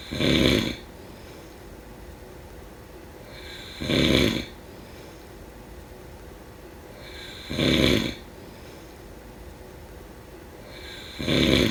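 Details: Loud, rough snores coming regularly, about 16 a minute, with quiet pauses between; steady snoring during sleep.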